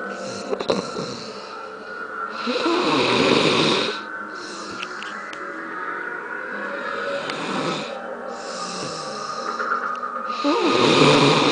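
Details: Loud, rough snoring with slow breaths, about one snore every four seconds.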